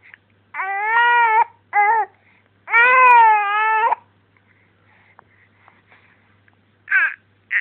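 Long, tonal wailing cries from an infant with breaths in between, then quieter fussing: an ordinary infant cry.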